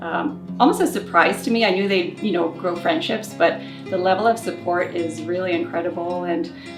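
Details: Adult speaker; normal fluent speech.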